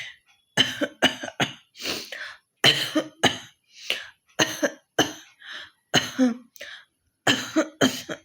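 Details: Performed hoking cough challenge by a woman who says she has a bit of a cough: about a dozen sharp, forced coughs and throat-clearing bursts in quick runs with short pauses; deliberate cough.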